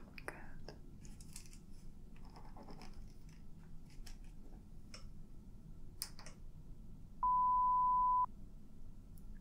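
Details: Simulated ASMR audiology role-play, high/low frequency pure-tone hearing test: a quiet room with soft handling noises, then one steady pure test beep lasting about a second.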